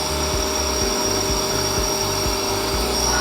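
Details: A nebulizer compressor runs with a T-tube mouthpiece set up for an older child, mist coming out each side: a steady droning motor hum with rhythmic low pulsing.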